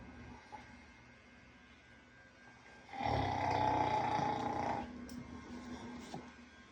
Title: Yoda aka Mr.Boots Snoring after being ran over by a truck